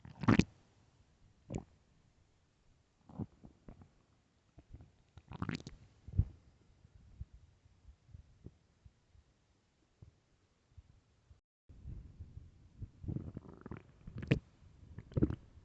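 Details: Irregular gurgling and rumbling bursts from the belly in the morning, some loud and drawn out; extremely loud stomach growling (borborygmi), a normal bowel sound.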